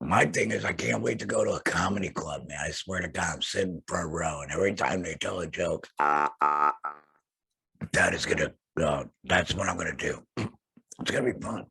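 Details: Adult male laryngectomee, larynx surgically removed, using an HME and base plate over the stoma, speaking in a podcast; laryngectomee speech.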